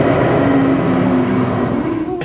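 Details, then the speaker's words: Teaching auscultation manikin simulating asthmatic bronchoconstriction: a continuous, high-pitched, musical whistling over the breath sounds, a wheeze caused by airflow through narrowed airways. "像很多气喘，我们讲说，当他气喘那个支气管收缩的时候，会像你在吹口哨，有一个高频的鸣喘音，咻咻咻。"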